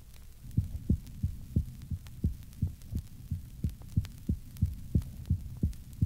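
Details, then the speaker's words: Severe myocardial disease in a 1965 teaching recording: faint, muffled first and second heart sounds at about 90 beats/min. "the recording of a soft first and second heart sound is taken from a patient with severe myocardial disease"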